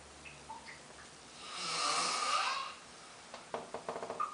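A single long, rasping breath in with a fluttering snore, then quiet and faint rustling: snoring.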